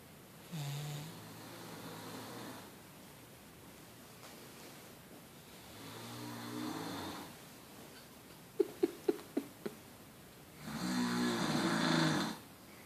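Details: Bulldog compared with Beau; the bulldog was thought louder but turned out not to be. Soft, low snoring breaths ending in a louder rattling snore and a brief run of clicking snorts: dog snoring.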